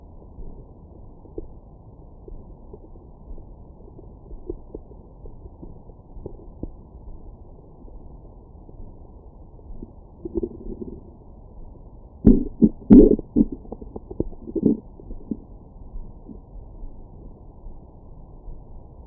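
Quiet background, then a short cluster of low gurgles and rumbles midway, typical of ordinary stomach growling after a meal.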